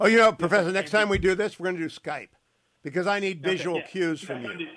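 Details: Adult male speaker; Normal speech.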